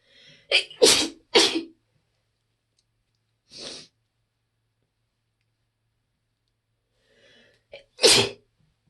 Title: lunch break sneezing fit